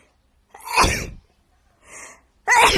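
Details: A woman sneezing in her hotel: an in-breath, then a single sharp, explosive sneeze, a short breathy sound and the start of another burst.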